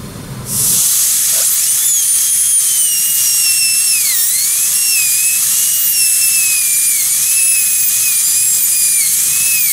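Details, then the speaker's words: Electric dental handpiece at reduced speed with a 330 bur, sweeping to smooth a Class I preparation on a typodont: steady high-pitched whine, pitch dipping slightly as the bur sweeps. "I can go back in and what I would do at this point with your electrican pieces is go back through turn it down to about 20,000 RPM uh with the same bur on and go back to through and just kind of smooth things up a little bit and come in here nice and slow get the floor real nice and smooth"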